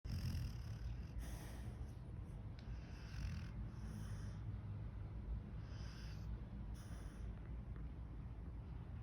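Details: 6-year-old female hound mix sound asleep: soft, low, rumbling snores with faint snuffly breaths over steady background noise; quiet snoring.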